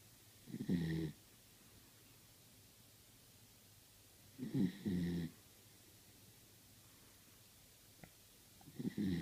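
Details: Soft, rhythmic snoring noises from a Beagle, a few seconds apart, in a quiet room; owner says the dog snores while still awake.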